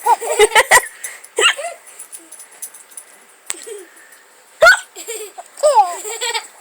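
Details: Baby girl with hiccups, laughing for real for the first time as her mother copies her; abrupt, sharp vocal catches mixed with giggles and light laughter: hiccups.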